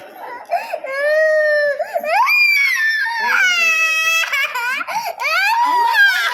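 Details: Infant girl during a blood test: loud, high-pitched, sustained crying in bursts with sharp rising wails, a typical pain cry.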